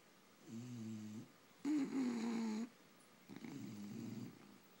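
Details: Sleeping bulldogs snoring: three loud, rough, buzzing breath sounds about a second each, separated by quiet pauses.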